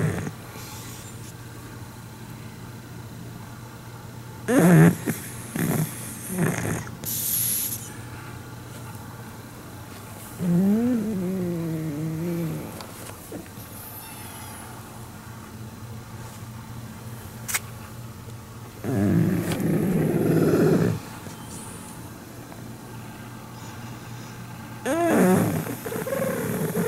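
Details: A sleeping pug, seemingly having a good dream and moving its tail, gives irregular snorting snores and a few soft whines over quiet room noise; snoring.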